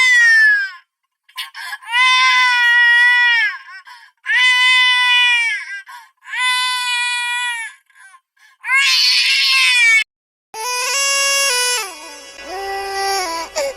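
Repeated loud, high-pitched wailing cries in long bursts with short gasping pauses, ending in shrill screaming; a vigorous infant cry.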